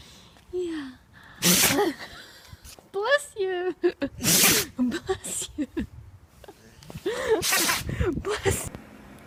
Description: Very funny and adorable sneezing animals. Compilation of sneezing animals just for laugh...God bless them :)